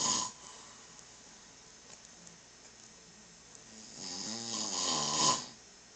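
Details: Adult man (the recorder's father) snoring loudly, recorded on an Android phone: a single loud, rough snore on the in-breath after a quiet pause, heavy snoring.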